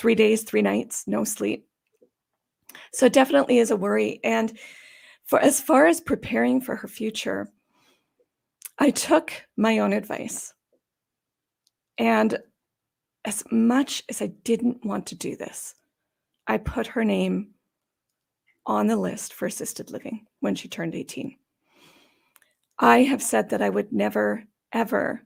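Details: Adult woman with idiopathic subglottic stenosis for about 14 years, treated with repeated tracheal dilatations and surgeries, which she links to sounding gravelly or gasping for breath; dysphonia (subglottic stenosis).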